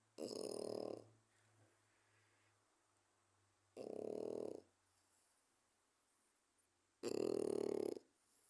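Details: Snoring in a sleeping 4-month-old French bulldog puppy: three loud, rumbling, human-like snores about three seconds apart, near 20 per minute, with quiet between.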